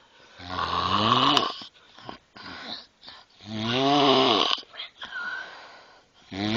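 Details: A girl passed out in her bed in the middle of the day gives two loud, rattling inspiratory snores about three seconds apart, with quieter breaths out between them, roughly 20 breaths a minute: loud snoring.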